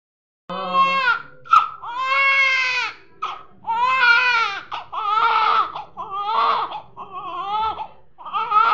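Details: Loud, strong, rhythmic crying in repeated bursts with quick breaths between them from a newborn baby boy just after birth: typical newborn cry.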